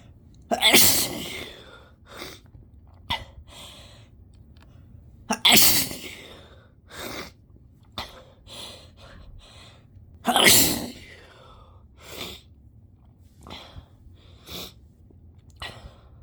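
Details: Person stifling sneezes until unable to hold them: three loud, forceful, wet sneezes, with softer stifled sneeze bursts and quick breaths between them; sneezing.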